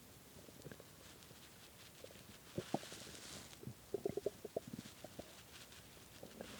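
Short bursts of gurgling, squeaky rumbles against quiet room noise; hunger stomach growling, a normal bowel sound.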